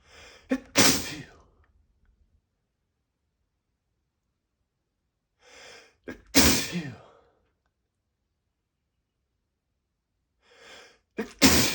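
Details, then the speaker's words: A man's wet sneezes: three separate wet, forceful sneezes, each with a short in-breath just before, spaced a few seconds apart in a quiet room, after complaining of a nose tickle. "Oh, it tickles. Oh, it tickles so much. It feels so bad. I got it. I got to let it out. Oh god. Oh, I got to sneeze."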